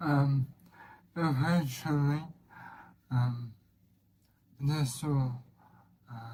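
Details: Dysarthria in a man with ALS (motor neuron disease) whose throat muscles are weakening, causing breathlessness and effortful speech; symptoms began in early 2023 with evening hoarseness, then slurred speech; he expects to lose speech and swallowing.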